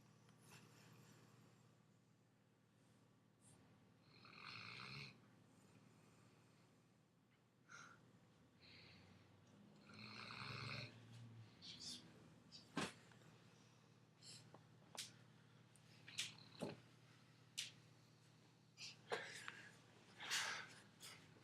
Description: my weimaraner takes up the whole couch and snores so loud! :)